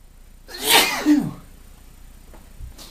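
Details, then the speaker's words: A single forceful sneeze with a sharp intake and explosive release from a man with hay fever triggered by pollen, near the end of about half an hour of sneezing. "Only can imagine what it's like to have this kind of allergy and do this amount of sneezing. Ew. I've had enough now. Oh, about half an hour's worth of sneezing."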